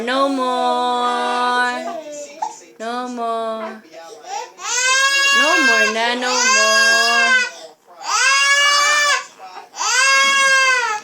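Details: Loud, high-pitched crying in repeated wails with brief pauses for breath, an infant crying apparently upset by the mother's repeated sneezing.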